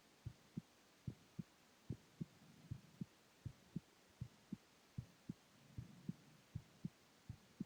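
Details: Male's heartbeat recorded while lying down: steady, regular paired lub-dub beats at about 78 per minute over a faint hum; normal heart sounds.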